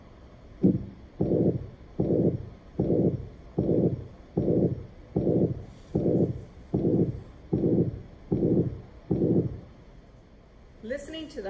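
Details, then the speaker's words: Human heart with a ventricular septal defect, a structural defect: regular heartbeat at about 76 a minute, each beat carrying a long, harsh rushing murmur filling much of the beat. "but in other occasions there could be a structural problem with the heart itself in the case of a ventricle defect"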